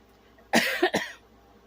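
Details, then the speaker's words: Two quick, harsh coughs from an adult woman in a quiet room; she says she has a cough she cannot stop. "and um, you're going to hear the coughing and that's not something that I can stop or anything."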